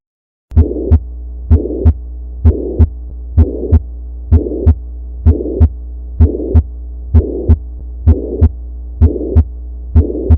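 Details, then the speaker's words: Mitral regurgitation teaching sound: regular heartbeat about 64/min with a steady blowing holosystolic (pansystolic) murmur from the first to the second heart sound, described as best heard at the apex and radiating to the axilla. "Typical murmur of MR is defined as holosystolic or pansystolic murmur commencing immediately after first heart sound and continuing up to second heart sound. It is best heard at the apex. Murmur radiates to axilla."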